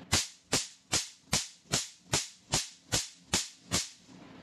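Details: Ten sharp, regular snapping pops, about 150 a minute, with a faint hum between them: a picosecond laser machine with its 1064 tip test-firing at maximum energy, spot size 3; laser test firing.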